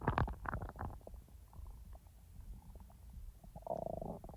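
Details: Real stomach sounds, not recorded in real time: soft gurgles and bubbling pops ending in a longer low groan; normal bowel sounds (borborygmi) of an active gut.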